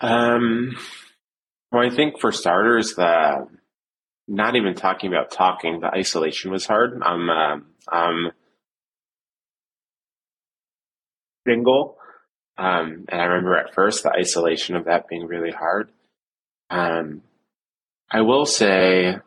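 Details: Stuttering since childhood in an adult man, severe with many blocks from age seven, with secondary behaviours such as eye closing and facial contortions during blocks.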